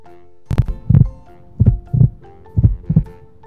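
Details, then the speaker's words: Steady, regular heartbeat at about 58 a minute in paired thumps, one strong and one soft, over faint background music; a child's normal heartbeat played in a Grade 1 music lesson on rhythm and steady beat. "Ang tibok ng ating puso ay isang malakas at isang mahina. Sabayan niyo ako. Dugdug, dugdug, dugdug, dugdug. Ganyan ang tibok ng ating puso."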